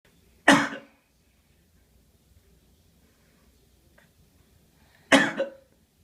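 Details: Infant girl's voluntary fake cough: two short, strained, deliberate coughs about five seconds apart in a quiet room. She strains hard to push it out, and it is not illness.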